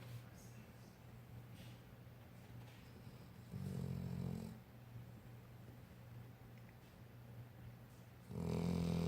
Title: snoring. Age 1yr.